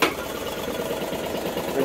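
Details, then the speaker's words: Motor of a 1.5T GE MRI scanner table with a phantom in a brain coil: steady mechanical whirring hum of normal machine operation. "button right here that's going to bring it all the way out automatically all the way out okay so it's coming out"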